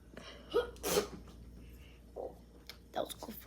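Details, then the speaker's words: Simulated, acted sneeze from a comedy skit on types of sneezes: a quick in-breath, then a sharp sneeze followed by brief speech-like sounds; the speaker says their own real sneeze is quiet; sneezing. "Comment down below what your sneeze is like. Mine is a quiet sneeze because I don't like sneezing in front of people."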